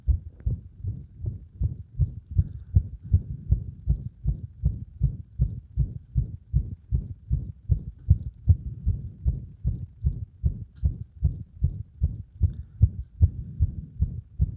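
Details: Heart sounds with frequent arrhythmias caused by compression of the heart; fast, low thumps with uneven spacing and varying loudness, frequent extra beats; irregular rhythm.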